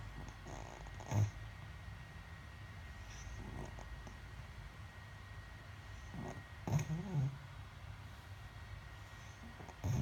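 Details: 14-week-old Cookie snoring loudly.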